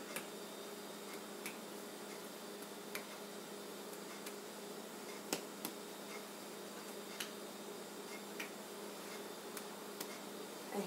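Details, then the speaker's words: Posterior chest percussion during a lung and thorax exam, at sites down both sides of the back: about a dozen soft, brief taps giving a normal resonant note all the way down. "does have nice resonance all the way down to almost note it on that part"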